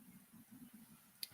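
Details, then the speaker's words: Adult's stomach growling from hunger, soft low irregular gurgling rumbles with a brief click; had only coffee for breakfast; borborygmi. "apologize if you can hear my stomach growling i did not i guess i'm hungry"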